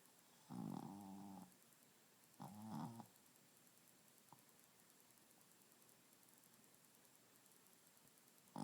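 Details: A sleeping dog makes two low, rumbling, throaty snores with long quiet gaps between breaths, over faint room noise; snoring.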